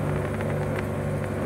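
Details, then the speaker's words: Electric suction machine (aspirator) for clearing airway secretions, switched on in a demonstration and running with a steady low motor hum and rumble; vacuum is adjustable. "okay now let us turn it on and see now his plot and we turn it on as you can see this is the pipe let me test it"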